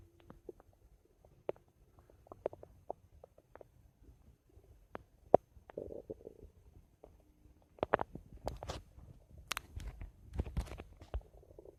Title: My Stomach Making Noise 3